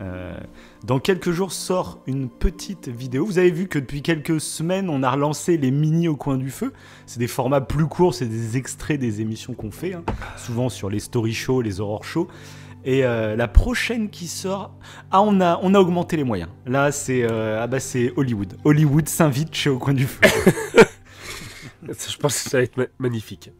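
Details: Adult male speaker; normal voice.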